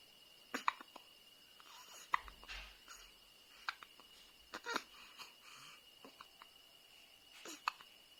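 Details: Newborn baby girl with hiccups: small, sharp, irregular hiccup sounds, several within eight seconds, against a steady room hum.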